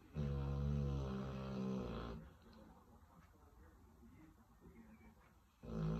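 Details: A 6-month-old Cane Corso puppy asleep in a small front room at home after a long day of socialization, giving loud, low, rumbling inhaled snores about two seconds long with quiet pauses between: ordinary snoring.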